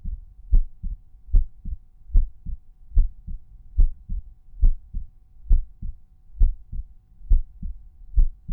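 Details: Normal resting heart sounds recorded at one of the standard auscultation points: Erb's point, tricuspid, mitral, pulmonary or aortic.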